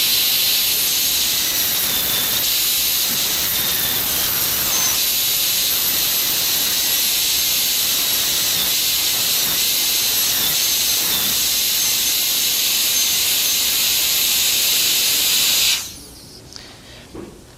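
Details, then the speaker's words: Steady, piercing high-pitched whine from a high-speed dental handpiece with a diamond bur, stopping abruptly near the end; it cuts a model mandibular molar for a full cast gold crown preparation. "The functional cusp bevel is placed next. Again, note the orientation of the diamond relative to the remaining intact tooth structure."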